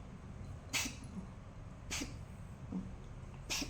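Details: Cat suddenly coughing nonstop while kneading: three short, sharp hacking bursts about every 1.4 seconds over room noise; owners turned off the fan; cat coughing.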